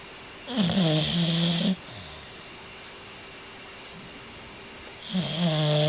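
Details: Pet napping: two long, low, buzzing and rattling breath sounds with a quiet pause between; snoring.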